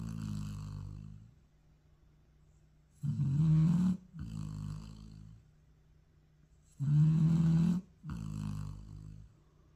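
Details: Dog having an afternoon nap: deep, rattling snores, each in-breath a loud low buzz followed by a softer out-breath, about 16 breaths a minute; snoring.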